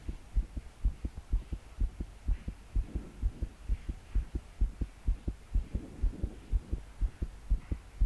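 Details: 22-year-old female trying to calm her heart to sleep after deep breaths failed. Strong, rapid, regular heartbeat about 125 a minute, her body shaking with each beat, soft breathing and steady rain noise behind: pounding palpitations.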